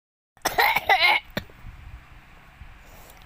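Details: A person coughing while drawing: a short burst of harsh, rasping coughs followed by a soft click, then quiet room noise.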